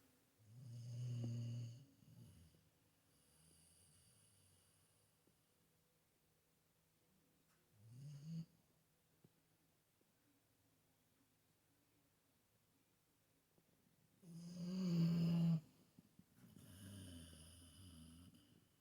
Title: Snoring like a dog